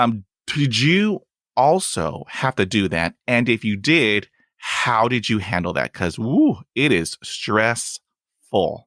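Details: Adult man who stutters, with blocks and long pauses and use of helper words; stuttering.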